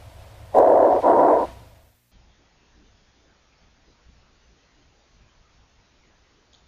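Two loud, coarse, low-pitched rumbling sounds like a gust of strong wind, then near silence; rhonchi (low-pitched dry rales).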